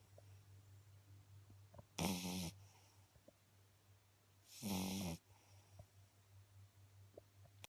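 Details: 8-week-old female Beagle puppy asleep, snoring loudly: two loud, rasping snores about three seconds apart over a low steady hum, with quiet breathing between them.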